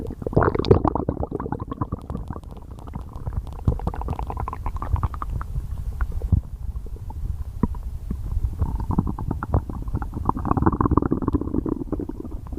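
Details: Continuous low rumbling and gurgling from the gut throughout; ordinary stomach growling (borborygmi).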